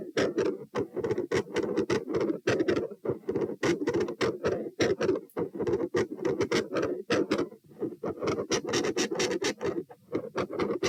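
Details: Heart murmur recorded at position P while standing, part of a same-subject comparison study: fast, busy heart sounds with a loud, rushing, near-continuous noise filling the gaps between beats. Across recordings, sounds range from no murmur to an all-encompassing continuous murmur.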